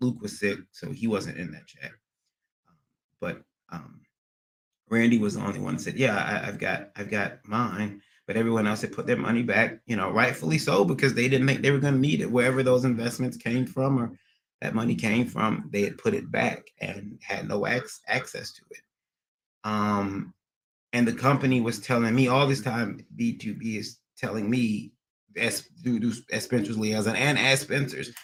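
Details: Adult man with a recent transient ischaemic attack, MRI showing some damage, seeing a neurologist and receiving physical, occupational and speech therapy; speech not fully recovered and he stutters occasionally; acquired stuttering after transient ischaemic attack.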